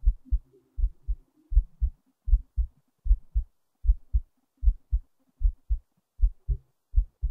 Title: another heartbeat recording